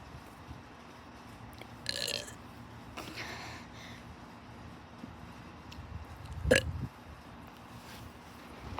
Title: What you have all been waiting for,Burping part 6!! Hope u enjoy!😁😁